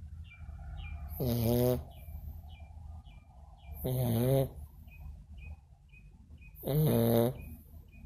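Three loud, rattling snores on the in-breath, about 22 a minute, with quiet breathing between and faint bird chirps in the background; snoring.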